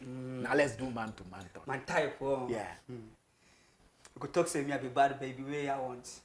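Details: Adult man who has stammered since birth, with a family history of stammering (grandfather and relatives); describes it as severe, worse on words starting with K or T, and fluent when rapping; stuttering.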